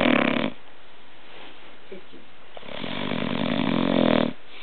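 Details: Two long, loud, rough breaths separated by a quiet pause, with a rattling snore quality: snoring.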